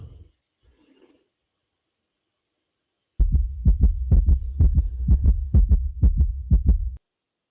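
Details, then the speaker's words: Steady, quick lub-dub heartbeat at about 125 beats a minute, with deep paired thumps. "That's your heartbeat. It's awakening, and the vibration is going through."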